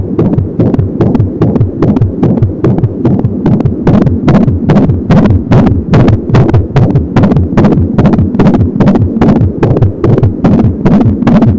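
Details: Fetal heartbeat at 25 weeks of pregnancy on an Angel Sound home fetal Doppler: rapid, regular whooshing pulses at about 170 beats a minute, with a whooshing umbilical cord sound.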